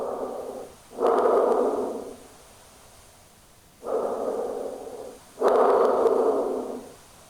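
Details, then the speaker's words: Stethoscope auscultation of the chest during normal breaths: soft rustling breath sounds, louder on inspiration and fading quickly on expiration; normal vesicular breathing. "Now, note the intensity of breath sound, which reflects the airflow rate at mouth and may vary from one area to another. Breath sounds are usually louder in the lower posterior lung field."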